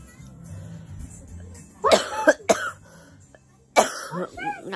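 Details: Heavily pregnant woman with a cough she says brought on blood spotting and stiff abdominal cramps, before going to a health centre: three or four sharp, harsh cough bursts in quick succession in a quiet room.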